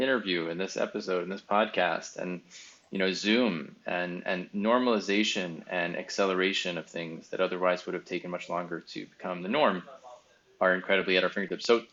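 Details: Adult male speaker; typical speech.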